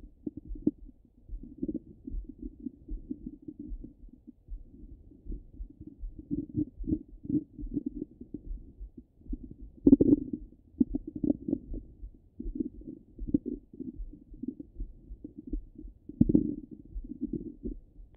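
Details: Ordinary active bowel sounds through a stethoscope: continuous low gurgles and rumbling bursts, a normal stomach rumble.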